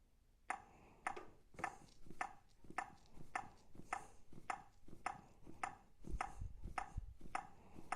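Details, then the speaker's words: Zoll AED 3 training demonstration after shock delivered, prompting "Start CPR. Push to match the tone": steady clicking metronome tone at about 105 per minute pacing chest compressions. "Start CPR. Push to match the tone."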